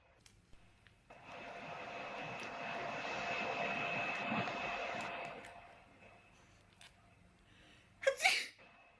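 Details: Young woman doing a self nasal swab for COVID-19 testing, tearing up: a long rushing noise fades, then one sharp, sudden sneeze set off by the swabbing.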